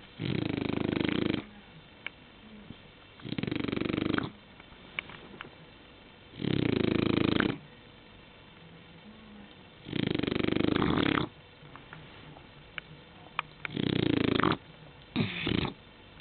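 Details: Loud, rough snores about every three to four seconds, roughly 18 a minute, with quiet gaps between; regular snoring in sleep.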